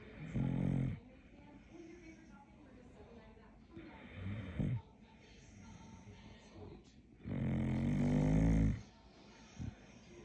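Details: Sleeping dog snoring at bedtime: deep, rattling snores, two long ones and a shorter one between, separated by quiet breathing.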